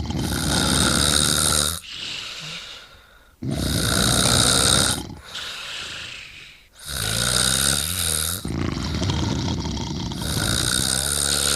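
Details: Snoring from a man and a girl: loud, rough snores, each lasting about two seconds, alternating with quieter breaths; ordinary heavy snoring.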